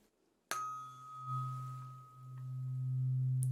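A struck tuning fork rings with a clear, steady pure tone that slowly fades, as used in a bedside hearing test; acted roleplay.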